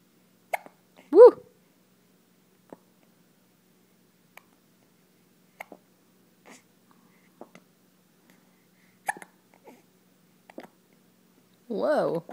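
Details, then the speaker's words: Hiccups: soft, abrupt little catches at irregular intervals between brief voiced sounds; hiccups. "Whoa, check out my hiccups."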